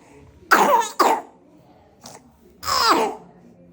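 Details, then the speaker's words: A child's harsh barking cough: three abrupt hoarse, brassy coughs in a quiet room, typical of croup. "শীতকালে হঠাৎ শ্বাসকষ্ট, হঠাৎ ভয়ঙ্কর কাশি, যেটা সবার ঘুম ভাঙিয়ে দেয়, ওটার নাম হচ্ছে ক্রুপ।"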